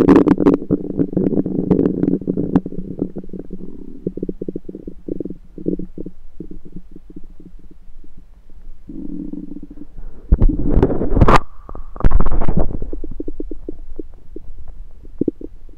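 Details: Rumbling stomach recorded with a USB stethoscope: rumbling, bubbling gurgles with a few louder squeaky bursts; active bowel sounds.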